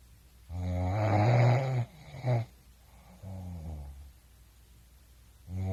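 Low, rough, buzzing breath sounds in a few long pulls with short pauses between them, consistent with snoring.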